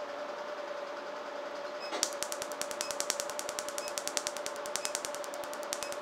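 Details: RevLite SI Q-switched laser tattoo removal with anesthetic, area near the face; after a quiet hum, rapid sharp snapping clicks start, about 77 a minute, slightly irregular; laser pulses firing.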